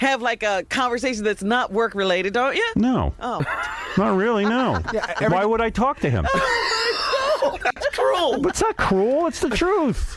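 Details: Adults in conversation; typical speech.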